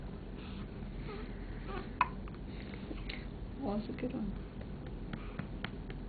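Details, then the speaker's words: 4-day-old newborn girl gives a sharp hiccup amid soft adult murmuring and room noise; hiccups. "Naughty, do you have the hiccups?"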